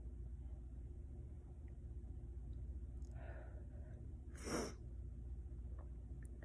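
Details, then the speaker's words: Single sneeze while lying down: a soft breath in, then one short, sharp burst of air, in a quiet room with steady hum. "Okay, that's my second sneeze."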